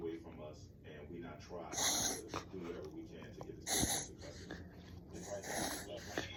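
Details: Dog reverse sneezing: loud, harsh snorting inspiratory breaths in repeated bursts.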